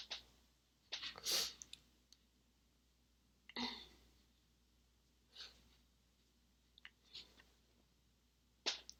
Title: stifled sneezes (f)